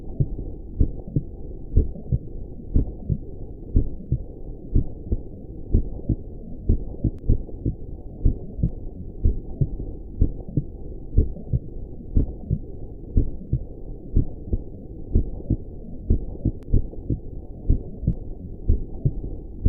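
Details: Steady, regular low thumping heartbeat at about 62 beats a minute, a calm normal rhythm, played as a relaxing sleep sound for newborns; normal heartbeat.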